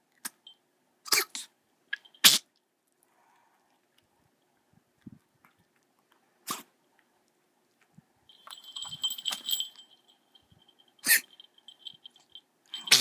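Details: Dog coughing after tracheal stent placement: several short, sharp coughs with a squeaky, wheezy edge; audio only.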